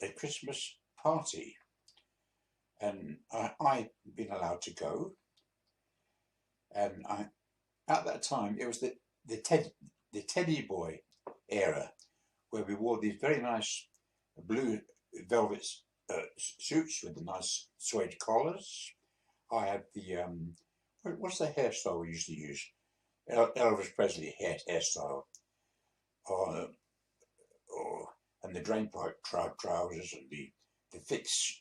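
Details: 82-year-old man, a few months after a mini stroke, with speech he says is still sometimes difficult: hesitant speech with word repetitions after the mini stroke.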